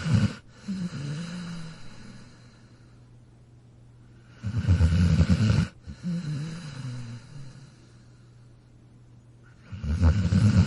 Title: Dog Snoring Sound Effect